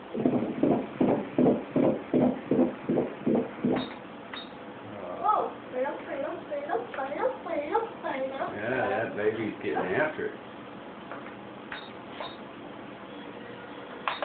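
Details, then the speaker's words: Fetal heartbeat on ultrasound while viewing a moving fetus; a boy is suspected: rapid, regular whooshing beats about 150 a minute for several seconds, then room talk; normal fetal heartbeat. "but we're fixing to check um is that the heart it is"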